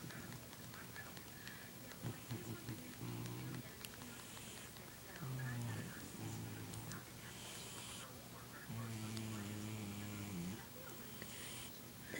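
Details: Big pet cat snoring while asleep, before being woken.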